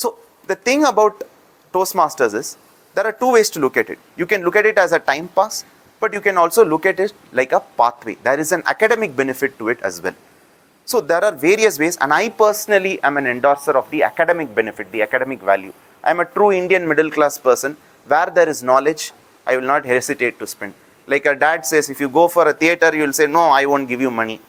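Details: Adult speaker; normal speech.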